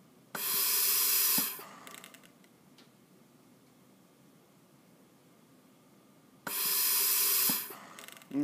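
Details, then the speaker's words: Bird Mark 8 IPPB unit used as a ventilator on a test lung, set to 500 cc tidal volume, one-second inspiratory time: two loud hissing gas bursts about six seconds apart, each ending with a click. "now what we have is we have a one-second tidal volume and a 500cc breath"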